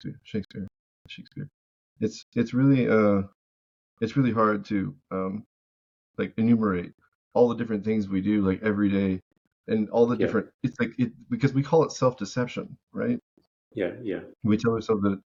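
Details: Vocal tic from Tourette syndrome in an adult male veteran, an involuntary recurring single-word tic blurted mid-speech.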